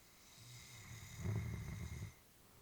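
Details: Elderly female Labrador sleeping while her family was worried about her: a low, rumbling snore on the in-breath during sleep.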